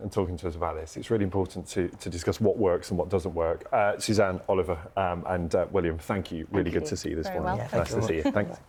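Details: Adult male presenter; fluent speech.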